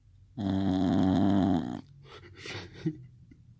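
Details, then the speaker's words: Female bulldog, Bella, asleep and snoring: one long, loud, deep rumbling snore followed by quieter snuffling breaths. "try and get my bulldog snoring. Shouldn't be too hard."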